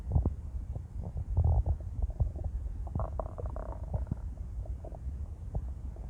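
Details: Stomach growling (borborygmi) from a woman after 18 hours of fasting on an empty stomach, very hungry.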